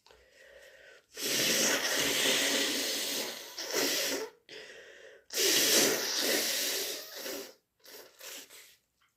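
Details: Two long, forceful, hissing nasal blasts of about four seconds each with shorter snorts between; deliberately induced flu-like sneezing and nose blowing.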